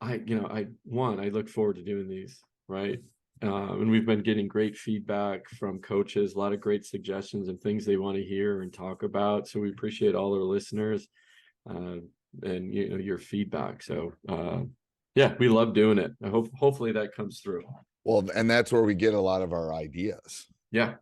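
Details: Adult male speaker; Normal conversational speech.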